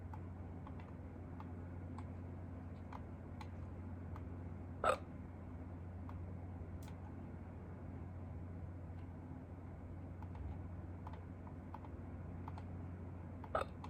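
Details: Two abrupt, clipped hiccups about nine seconds apart in a quiet, humming room, from a person who had hiccups for the first time in a long time and filmed them quickly.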